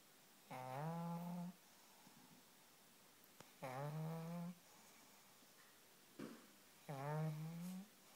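Regular tonal, buzzing snores on each breath, about 20 a minute, with a whistling quality. Snoring.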